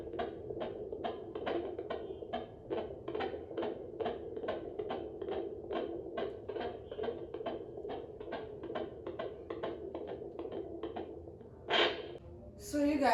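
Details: Fetal heartbeat checked at home with a handheld fetal Doppler: rapid, regular whooshing pulses.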